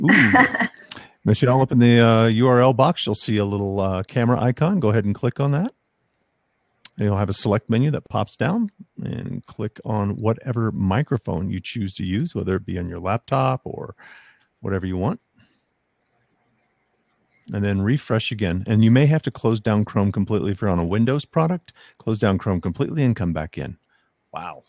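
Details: Adult male speaker; typical speech.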